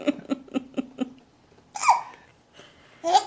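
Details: 5-month-old baby gives a quick run of giggles, then two short, sharp voiced bursts: infant hiccups.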